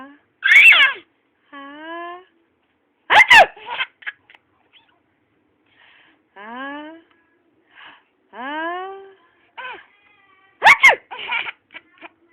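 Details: Two sharp explosive fake sneezes amid high chirps and rising whistled calls; fake sneezes make her giggle.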